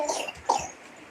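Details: Two short coughs from a young child with a cold and cough, in a quiet room; a child in the household has been feverish for two days.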